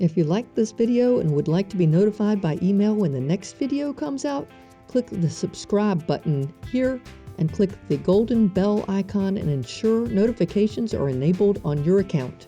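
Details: Adult speaker; ordinary speech.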